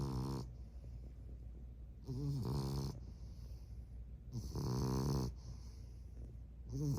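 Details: French bulldog puppy sleeping and snoring: soft, regular snores with a low rumble on each breath, about three snores in seven seconds, in a quiet room.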